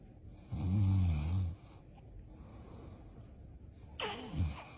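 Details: Daddy snoring while sleeping, with babies reacting: a deep, low snore about a second long, a quiet pause, then the start of another rough breath.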